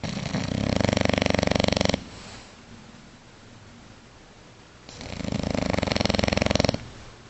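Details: A sleeping bulldog gives two loud, rattling, fluttering snores separated by a quiet out-breath. Typical flat-faced dog snoring.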